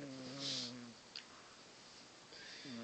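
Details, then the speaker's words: Loud snoring from a sleeping male cat: soft, rasping, tonal breath sounds. "Just don't understand how an animal can snore that loud."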